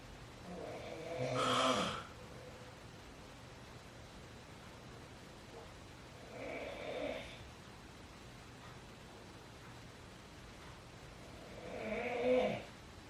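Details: A father recorded asleep at midnight gives three rough snores about every five seconds, roughly twelve breaths a minute, over steady room hiss; typical sleep snoring.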